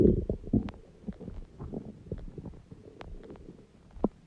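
Irregular low gurgles and rumbling squeaks from the belly, loud at first then fading; ordinary stomach growling.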